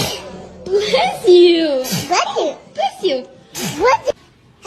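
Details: A baby sneezes several short, breathy sneeze-like bursts, each followed by brief high-pitched voiced sounds.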